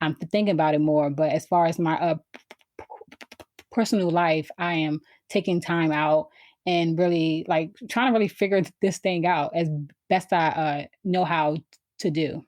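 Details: Adult woman who has stuttered since she began to speak, around age four or five; stuttering.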